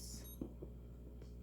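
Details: Short high electronic beep from a home glucose meter over a low room hum as an elderly woman's fingertip (thumb) blood is tested before breakfast, reading 121; glucometer beep.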